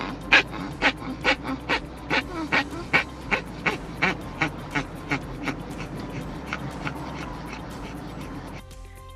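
A rapid run of about twenty harsh, honking coughs, like a goose, fading toward the end: goose-honk cough of tracheal collapse.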